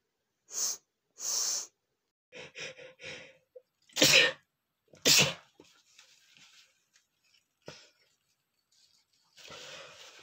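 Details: Male sneezing, attributed to his strong allergy to perfume: several sharp, explosive sneezes in quick succession, with breathy gasps and sniffs between them; repeated sneezing.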